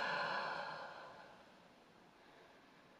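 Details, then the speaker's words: A respiratory physiotherapist demonstrates a long, low huff (forced expiration technique) in the Active Cycle of Breathing Technique: a single open-mouthed, breathy exhalation fading over about 1.5 seconds, meant to move mucus from the smaller peripheral airways at the lung bases. "not sufficient to move the mucus you might need to do a low long huff and that will move the mucus in the smaller peripheral airways down in the bases of your lungs"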